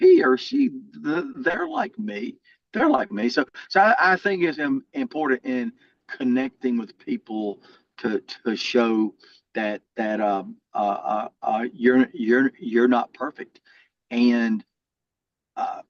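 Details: Lifelong stuttering in an adult man, more severe in childhood and variable now.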